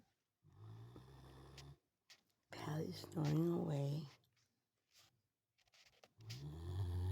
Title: dog snoring